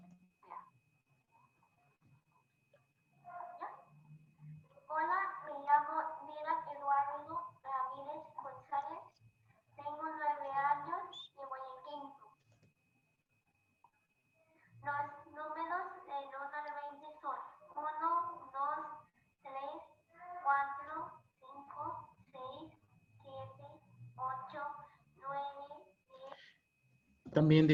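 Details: Child after speech therapy and custom-made pharyngeal flap: improved hypernasality and nasal emission, with improved place and manner of articulation.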